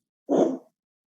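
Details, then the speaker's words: Vocal imitation of a mitral regurgitation murmur at the mitral focus: a steady, flat, rectangular (plateau) blowing holosystolic sound, unlike the diamond shape of aortic stenosis. "en el foco mitral, vamos a escuchar un flujo sanguíneo que va para atrás, que es regurgitante, ¿sí? Y se fijan que la morfología del soplo es distinta de la estenosis aórtica, que es como un rombo. En la insuficiencia mitral es rectangular, es como una barra, ¿sí?"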